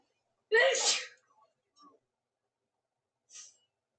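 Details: A woman's sneezing fit, looped and edited: a loud, drawn-out sneeze, then faint breaths and a small hiss.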